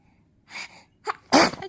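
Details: Roughly 100-day-old tired baby yawns, then sneezes: a soft breathy intake, a small catch, then one sharp explosive sneeze.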